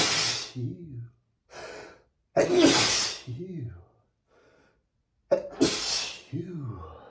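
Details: Male sneezing, from 100+ sneezes recorded on the same day: three loud sneezes in a row, each followed by a voiced sigh and catching breaths.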